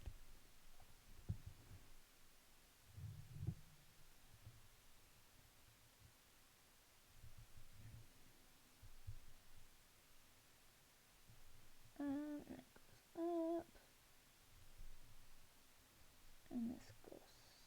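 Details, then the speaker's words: Stomach rumbling (borborygmi) from a hungry adult during a live painting stream: faint low thumps, then a few short tonal gurgles and growls. "i don't know if you can hear my stomach rumbling nice yeah we'll finish we'll finish we'll finish this gold one and then go get some food that seems like a good plan"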